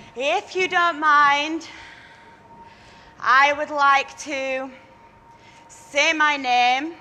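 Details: Acquired neurogenic stammer in a 23-year-old woman following a minor stroke caused by the rare condition HHT; repetitions on sounds; attending an intensive four-day stammering course.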